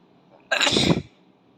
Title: Asian boy sneeze tickle by tissue